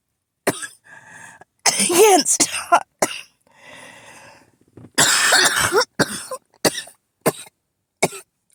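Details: Adult repeatedly woken by coughing, called an asthma attack: harsh coughing fit with repeated forceful coughs and noisy, strained breaths drawn in between.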